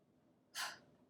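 One short, forceful, unvoiced breath out through an open mouth after a small breath in: a low-lung-volume huff for clearing secretions from the smaller airways.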